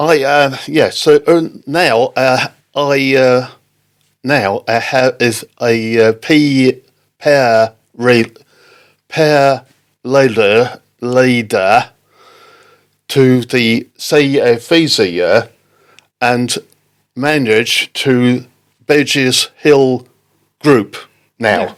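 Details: Non-fluent (Broca's) aphasia in an adult man, a father, after an October 2019 stroke with a brain clot and bleed, described as Broca's area damage; speech not fluent.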